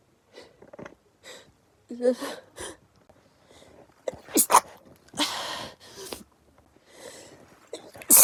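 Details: Perfume-induced sneezing fit: a quick series of sharp, explosive sneezes with short breaths between them; sneezing fit.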